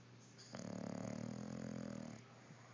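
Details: One long, low, buzzing breath lasting about a second and a half; a snore.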